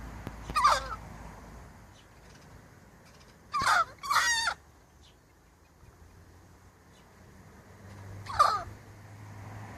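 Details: A hen having a sneezing fit, fine afterwards: four short, sharp, squeaky bursts spaced over several seconds against quiet background; sneezing.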